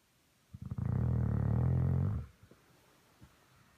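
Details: Dog snoring on a bed: one loud, deep, rattling snore of about a second and a half, with a vibrating low rumble on the in-breath, then quiet.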